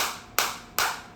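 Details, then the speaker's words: Focused (not radial) high-energy shockwave therapy device at maximum frequency 180, intensity auto-adjusted to 9, applied to the speaker who feels strong shocks deep inside: two sharp cracking clicks about 0.4 s apart over steady hiss. "और मेरे को इस time पे बहुत तेज बहुत प्यारी और मेरे को ऐसे अंदर पूरी अंदर फील हो रही है जो शॉक आ रही है।"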